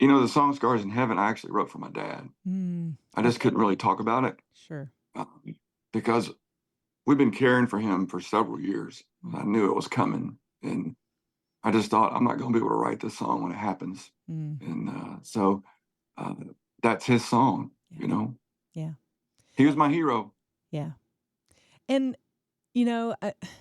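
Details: Spasmodic dysphonia in an adult male singer whose voice goes gravelly sometimes, more when talking than singing; he works with a voice therapist before concerts and has a history of cancer diagnosis and treatment.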